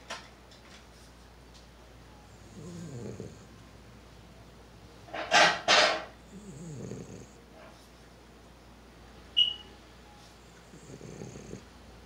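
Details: Pug snoring while asleep: soft rattling snores recurring every few seconds, with a couple of louder snorts.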